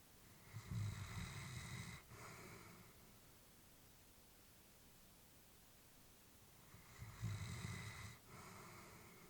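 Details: Elderly female Labrador, about whom the family was worried, sleeping peacefully: two slow, rattling snoring breaths with quiet pauses, about 13 breaths a minute. Snoring.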